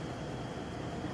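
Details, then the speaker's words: High-frequency chest wall oscillation vest set to 12 Hz, vibrating the chest to loosen and thin mucus (e.g., cystic fibrosis); steady low, rumbling mechanical hum with faint room noise. "e does is it provides vibrations at certain amount of Hertz which is cycles per second so we're gonna have you set up for 12 so what the heart does it'll help break up the mucus and thin it out so it travels up into the upper Airways and it makes it easier for the patient pop out"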